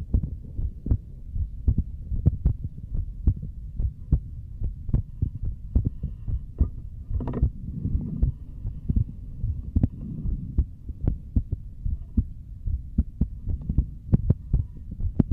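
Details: Streamer's own heartbeat picked up by a microphone during a relaxing ASMR session, said to be beating hard with paired strong beats: steady low thumping about 74 a minute with rumbling background; normal heartbeat.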